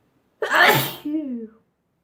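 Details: Sneezing compilation: a single loud sneeze, a sharp noisy burst followed by a brief voiced tail.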